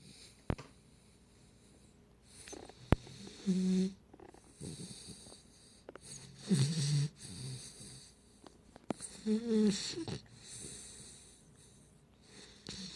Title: Snoring Pitbull Puppy